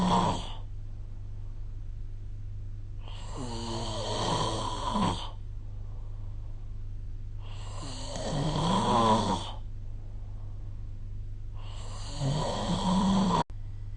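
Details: Sleep snoring recorded with the SnoreLab smartphone app: rough, fluttering snores on each breath in, roughly every four to five seconds, over a steady low room hum.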